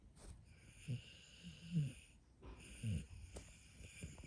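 Soft snorty snuffles from a sleeping dog over a steady high whine in the room; gentle snoring.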